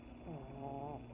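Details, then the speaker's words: Lucy, a resting dog, giving a single soft, slightly whistling snore in a quiet room: snoring. "I don't know if you can hear it Lucy snoring ah anyway yeah at work if I'm on a call and she starts snoring I have to like kind of let people know that's not me"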